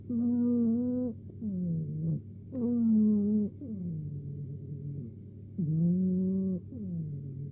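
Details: Napping cat snoring: repeated tonal, whistling snores rising and falling in pitch, about 22 a minute, in a quiet room.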